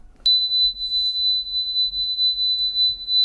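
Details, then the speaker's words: Simulated tonal tinnitus played in a radio science segment: a steady high-pitched pure tone imitating the constant ringing many people hear. "hay muchos muchos de ellos, un porcentaje relativamente alto que seguramente al tiempo que escuchan nuestras nuestras voces o escuchan la radio o escuchan el ambiente, escuchan también esto."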